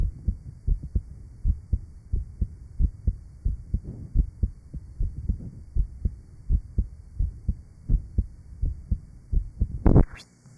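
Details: Real 1955 Johns Hopkins heart sound laboratory recording of rheumatic heart disease with mitral valve disease, recorded at the aortic, pulmonic and lower left sternal border areas.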